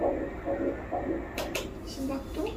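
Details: Soft, rapid, regular early fetal heartbeat on ultrasound, about 130 beats a minute, after natural conception. The embryo is still straight and worm-shaped, crown-rump length about 8–9 mm. Room hum and brief clicks.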